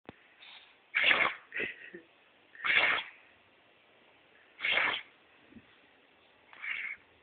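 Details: A dog gives four sharp, hissing nasal snorts about two seconds apart; repeated sneezing.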